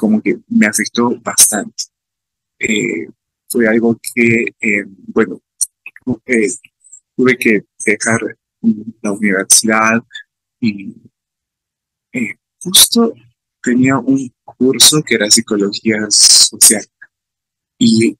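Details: Adult man with real stuttering, speaking Spanish at a stuttering festival about his own experience of stuttering; stuttering.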